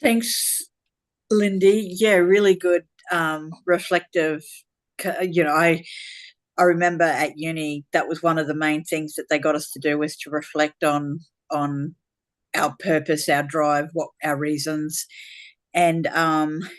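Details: Adult woman speaking; normal voice.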